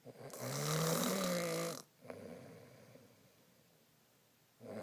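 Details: Adult man (husband) snoring: one loud, rattling snore of about a second and a half, then a quiet out-breath and near silence before the next; snoring.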